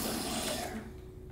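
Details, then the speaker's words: Ear irrigation of an adult with heavy ear wax buildup and reduced hearing, starting at slow pressure: steady rushing, gurgling water noise that fades as water flushes the ear canal to clear wax. "I'm going to start out slow but depending on how difficult it is to come out we may need to apply a little bit more pressure you just let me know if anything is uncomfortable and we will readjust you ready one two three"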